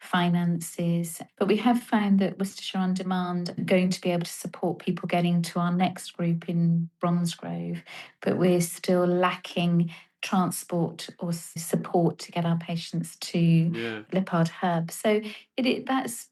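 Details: Adult woman speaking; normal speech.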